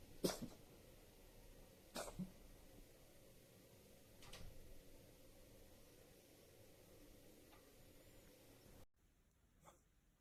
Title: Cough(cat) 猫の咳